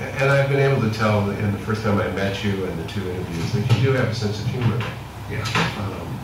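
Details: Adult female interviewer; normal speech.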